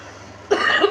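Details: Adult woman with a cold, sore throat and throat infection who felt she might get a fever: a single short, harsh cough burst after a quiet moment.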